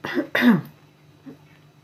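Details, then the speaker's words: An adult man with bronchitis coughs in the background: two harsh coughs in quick succession, then a faint third. This is a bronchitis cough. "vous entendez ça tousse encore bien derrière moi donc voilà le grand barbu a une bronchite"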